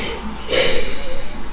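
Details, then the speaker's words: A brief, faint whistling tone on an adult's breath, pointed out as wheezing; consistent with wheezing from narrowed airways. "That's wheezing. All the other stuff y'all hearing wheezing. That's wheezing."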